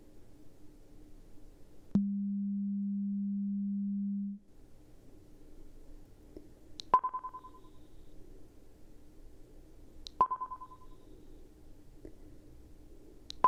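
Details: Simulated hearing test in an acted ASMR ear-exam role-play: headphones put on, patient raises hand at each beep and names the ear; a steady low test tone for about two seconds, then short higher beeps; audiometry beep test tones.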